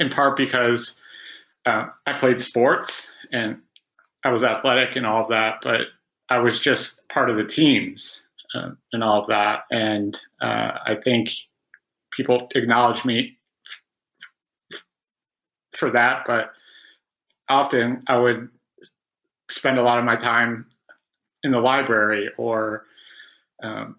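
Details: Adult man who stutters, still struggling to speak despite about 20 years of speech therapy; stuttering.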